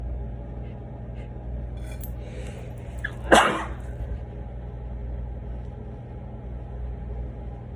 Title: Tissue sneezes